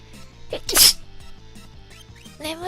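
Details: A single sharp, hissing sneeze during a live stream over background music, followed by brief apologetic speech; sneeze.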